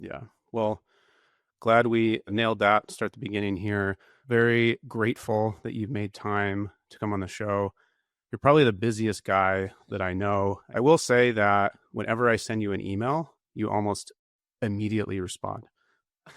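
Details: Adult male speaker; normal voice.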